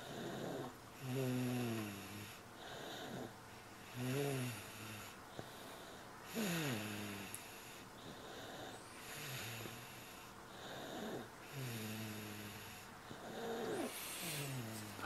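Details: Snoring from someone who has finally fallen asleep around 8:30 pm after a long, rough day.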